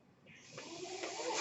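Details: Breathing sound of the speaker's own mechanical ventilator during speech: a soft rush of air swells steadily into a louder hiss with a faint hum underneath as a breath is delivered.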